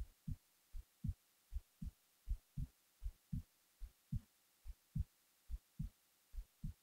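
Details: Normal heart sounds recorded while falling asleep: regular paired low lub-dub thumps at about 79 beats a minute with normal rhythm in a quiet room.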